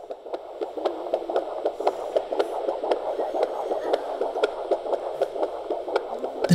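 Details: During labor, a Doppler probe with gel on the mother's abdomen picks up rapid, regular whooshing, galloping pulses of the baby's heartbeat: fetal heartbeat on Doppler.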